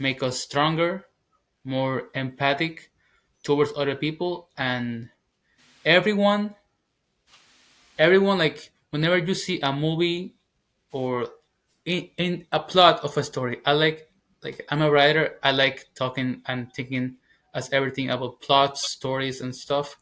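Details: 21-year-old man, English as second language, former covert stutterer now stuttering openly. Finding: stuttering.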